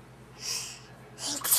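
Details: Deliberate fake sneeze performed on request: two hissing, breathy bursts imitating a sneeze rather than a true sneeze, followed by praise.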